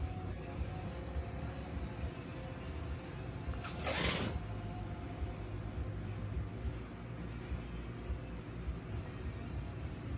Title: Coughing retic